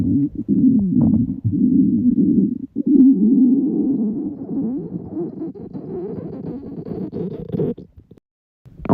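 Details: Long, loud, warbling stomach growl with rising and falling pitch from a girl, described as extreme hunger rumbling; borborygmi.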